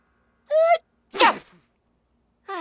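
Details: Single sneeze: a short voiced intake followed by one sharp, explosive burst of air.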